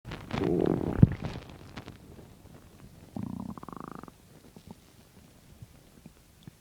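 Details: Stomach growling on an empty stomach: gurgling and bubbling rumbles, then a drawn-out creaking growl and scattered soft pops; ordinary borborygmi.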